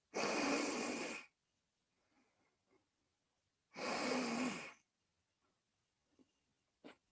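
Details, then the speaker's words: In a veterinary respiratory semiology class, the lecturer imitates inspiratory nasal stridor with two loud, hissing, snuffly inhalations, as if the nose were blocked, pointing to an obstruction in the nose. "Es como si tuviéramos tapada la nariz. ¿Ya? Y eso me indica que la obstrucción va a estar en la nariz. ¿Ya? Va a ser un estridor nasal."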